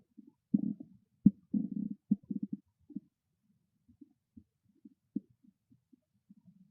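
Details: Irregular gurgling and rumbling bursts, some loud and bubbly, others faint, from a hungry stomach; borborygmi (stomach growling).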